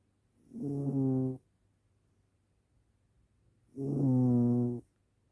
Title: Gently snoring cat